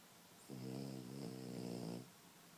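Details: French Bulldog puppy snoring while asleep: one drawn-out, buzzing, tonal snore lasting about a second and a half.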